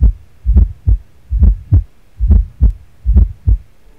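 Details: Fourth heart sound gallop, illustrating restrictive cardiomyopathy with raised ventricular pressure resisting atrial filling: regular low-pitched heartbeat at about 70 a minute with a soft extra sound just before the first heart sound.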